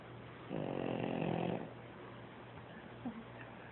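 One deep, buzzing, humanlike snore on an in-breath, then quiet breathing; snoring.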